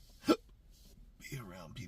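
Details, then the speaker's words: Chronic intractable hiccups since December 2015 after a bad surgery outcome; hiccups grab the esophagus while the patient tries to speak: a single sharp, abrupt hiccup, then a faint voiced sound. "Every time I try to speak a word, it grabs all my esophagus and it makes me push words out."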